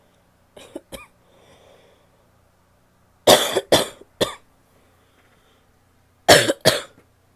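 Two soft coughs, then two bouts of strong, loose-sounding coughs, five in all, suggesting a wet, productive cough.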